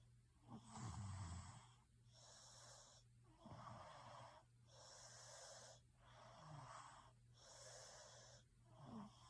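Regular rasping snores about every two seconds, roughly 30 breaths a minute, some with a throaty rattle, over a steady low hum.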